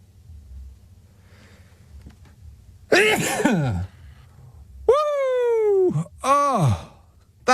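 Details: On-air sneeze by a radio presenter: a loud noisy burst followed by two drawn-out, voiced, wailing exclamations, a dramatic sneeze with vocal aftermath.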